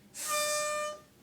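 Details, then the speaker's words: Inhaler spacer (aerochamber) used with a metered dose inhaler: a loud, steady whistle under a second, warning that the inhalation is too fast. "So you have to make sure it's not too fast. If you inhale too fast then you'll hear a whistle."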